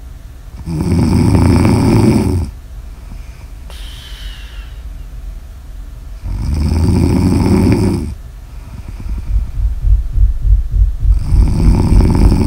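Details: Snoring ASMR audio recording: three loud, rattling snores on the in-breath with quieter out-breaths between, about 15 breaths a minute; heavy sleep snoring.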